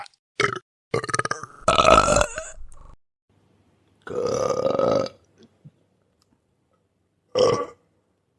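Several loud, voiced belches in a row, each a low croaking burst, separated by silence; ordinary burping sound effects.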